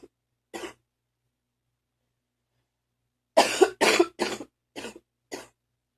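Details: Morning cough: a single cough, then a run of about five harsh, loose, phlegmy coughs: productive (wet) cough.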